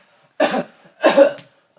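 Two short, harsh coughs from a child about half a second apart, acted rather than a genuine illness cough; a quiet room with no other sound.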